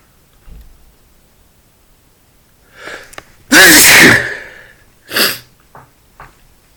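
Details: Male sneezing from dust after clearing a dusty closet: quick intake of breath, one loud explosive sneeze, a smaller sneeze, then soft sniffs.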